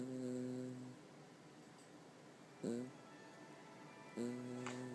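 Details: Sleeping cat snoring: tonal, whistling snores on each breath, about every two seconds; plain snoring.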